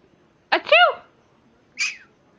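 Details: Green cheek conure in a small travel cage imitating a sneeze, a learned mimic rather than a real sneeze: two short, sharp, squeaky sneezes, the second quieter, in a quiet room.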